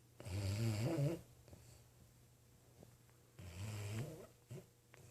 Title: Sox snoring